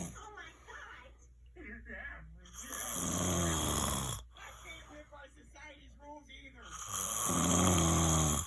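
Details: Person who denies snoring, recorded June 10 2020: loud, rough snoring on the in-breaths, quieter breathing between, a couple of breath cycles; ordinary snoring.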